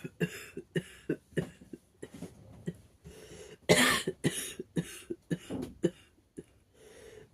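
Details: Barking cough.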